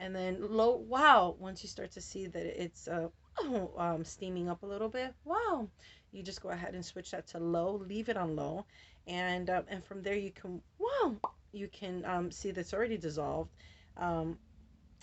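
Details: Adult woman with Tourette syndrome; vocal tics ('wow', 'whoa') and repeated words interrupt her speech, with tics very active since a medication change and also triggered by light. Finding: vocal tics (Tourette syndrome).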